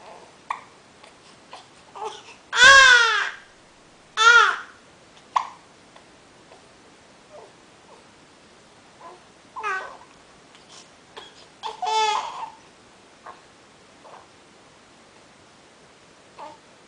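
An infant makes brief, sharp catching sounds between soft fussy vocal sounds, fitting ordinary infant hiccups.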